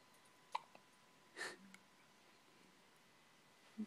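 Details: Hiccups in a subject said to get them very often: two short, sharp hiccup-like clicks in a quiet room, with a faint breathy sound between them.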